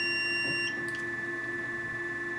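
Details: Steady high electronic beep tones over room hum from a Venus Viva radiofrequency handpiece, signalling that each pulse is complete, during a full-face skin rejuvenation treatment passing over the cheek area.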